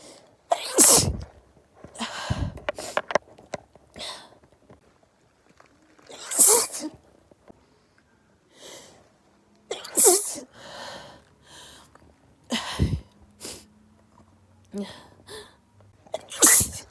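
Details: Perfume-induced sneezing fit: a rapid run of about eight sharp, explosive sneezes with quick breaths between them; sneezing.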